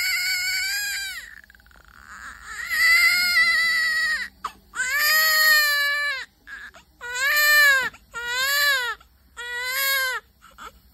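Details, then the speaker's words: Newborn baby (likely girl) shortly after birth, described as hungry and keeping her hand up: repeated loud, clear, high-pitched wails separated by short breaths. A strong, normal newborn cry. "देखो baby को कितने भूख लगी है खुद ही अपने hand को ना वो हैप्पी टाइम पर ऊपर ही रखती है।"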